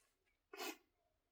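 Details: Single short, forceful cough burst from an adult man with cystic fibrosis and lung function at 46%, recorded during a back and biceps workout in a quiet room; productive cough in cystic fibrosis.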